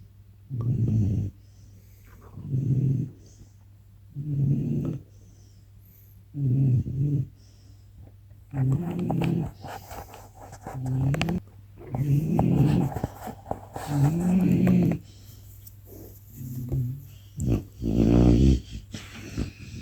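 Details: Snoring while fast asleep on a recliner at 19 weeks old: low, rumbling, uneven snores, about 11 a minute, over a steady low background hum.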